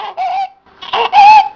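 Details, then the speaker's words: Child with stridor: harsh, high-pitched musical crowing on two noisy in-breaths, an inspiratory sound of a narrowed upper airway. "ده عباره عن هاي ساوندشن صوت عاليسمع اثناء الانسيرشن"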